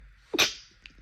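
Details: One brief, wet, explosive sneeze with nasal congestion from seasonal pollen allergy, with bloodshot swollen eyes.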